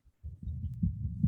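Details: Normal heart sounds.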